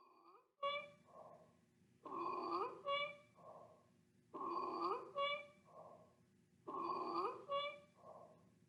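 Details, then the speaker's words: Stridor teaching sample: harsh, high-pitched crowing sounds with each breath, about 26 per minute, from a narrowed or blocked upper airway, as in epiglottitis, croup, anaphylaxis or foreign body obstruction. "CROPS also causes a cough that sounds like barking. Now let's listen the sound stridor."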